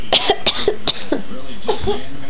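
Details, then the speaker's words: A young child gives a quick run of about five short, forced coughs, a deliberate fake cough. "oh your cough your cough is horrible sir"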